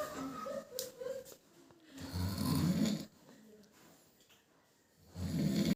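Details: Two low, rough, rattling breaths about three seconds apart in a quiet room; someone snoring.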